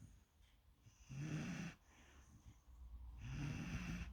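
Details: Golden retriever puppy lying on a couch, tired after a morning walk with play and exercise, snoring in sleep: soft, low, fluttering snores with each breath, no clear wheeze.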